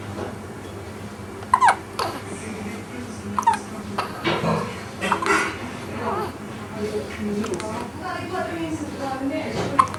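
Sharp, brief hiccup sounds recurring every couple of seconds over background talk and room noise; repeated hiccups.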